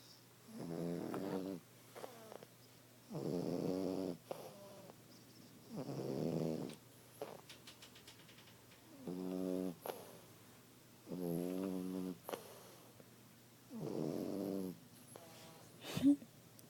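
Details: Sleeping French bulldog: loud, buzzing snores at steady intervals, six in about seventeen seconds (roughly 22 a minute), with faint whistling between them; snoring.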